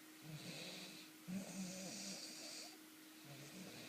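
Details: Person snoring: low rattling breaths with raspy hiss, two to three snores in a few seconds.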